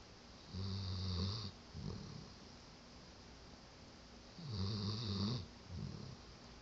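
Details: Sleeping dog lying on the owner, snoring: low, vibrating snores on inhalation with softer snorting exhalations, about nine breaths a minute.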